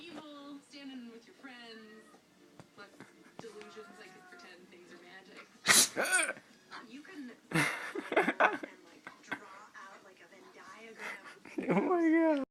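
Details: Puppy that wouldn't stop sneezing: two sharp sneezes amid high-pitched whining and whimpering, with room background.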